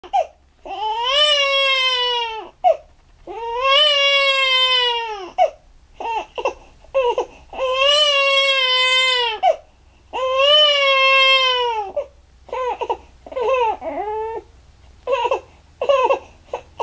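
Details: Loud, rhythmic crying of a 5½-week-old baby: long wails with short gasps between, in a quiet room; an ordinary infant cry.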